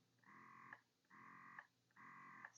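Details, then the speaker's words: Baby Buddha breast pump being turned on while the settings are shown: rhythmic buzzing motor cycles, about three pulses in under three seconds, each ending in a click as suction releases. "i'm turning it on see the different settings you can do you can increase everything"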